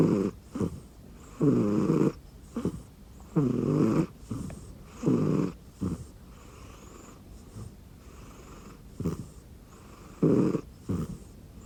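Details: Repeated soft, rattling snores with short snorty breaths, about 30 a minute, from a rescued cat (Yomogi) sleeping on an arm pillow under a blanket; snoring.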